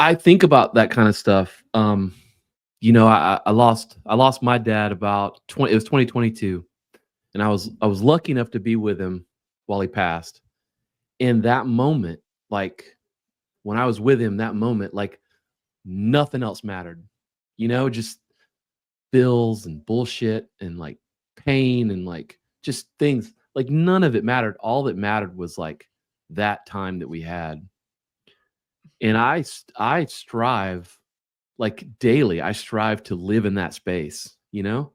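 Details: Adult man diagnosed with Parkinson's disease in 2014 at about age 35, first misread as tennis elbow; noted to speak slowly. Slow speech in Parkinson's disease.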